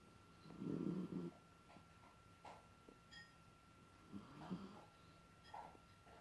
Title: Smalldog Snoring